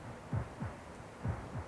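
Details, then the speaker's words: Cow's heartbeat through stethoscope, healthy-appearing cow: paired low regular thumps about 65 beats a minute; rate said to range 60–80 per minute, like a person; normal heart sounds. "sound just like a person that's right but is it the same rate as the heart rate ranges between 60 and 80 beats per minute"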